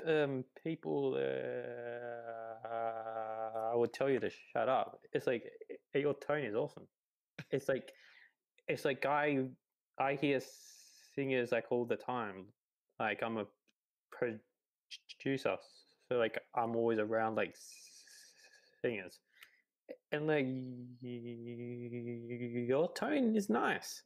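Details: Adult man, a podcast host, who stutters with blocks, notably on P sounds including his name; stuttering.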